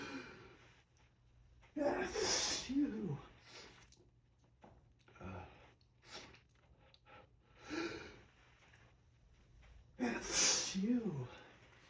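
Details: Morning allergic sneezing with pollen in full force: two forceful full-body sneezes, each with a quick in-breath and a loud explosive burst, with quieter breaths between.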